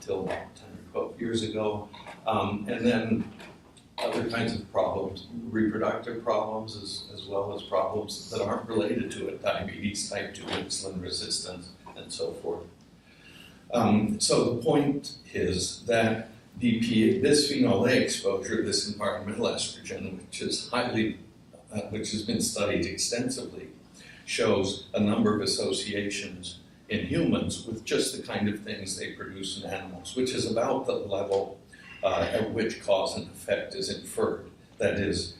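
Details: Adult male speaker with essential tremor affecting his voice and hands, which ended his surgical work; voice tremor (essential tremor).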